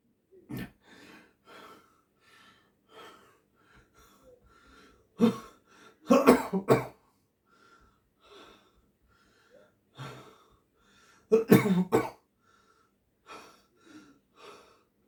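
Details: Acted coughing for a video audition in a quiet room: single coughs and throat clearing, plus two rapid bursts of three to four coughs.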